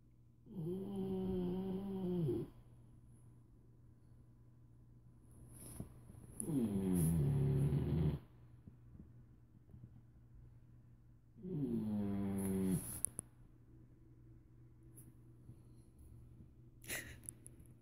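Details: Rio snoring while someone holds paws with Kashi: three long, tonal, buzzing snores about every five seconds over a steady low room hum.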